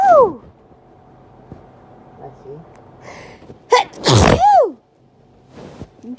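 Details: A young woman's sneezing fit while her boyfriend blesses her: a run of sharp sneezes, each a rising gasp then an explosive burst, with quiet breaths between.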